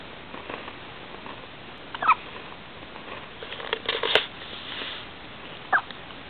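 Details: Infant's first hiccups: three short, squeaky catches spaced irregularly over a few seconds against quiet room hiss; normal infant hiccups.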